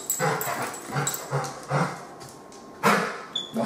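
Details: 13-year-old female Labrador Retriever with 2-year history of retching and exercise intolerance, no stridor: harsh rasping panting from dynamic laryngeal narrowing on expiration, suggesting atypical laryngeal paralysis, with dynamic cervical tracheal collapse on fluoroscopy.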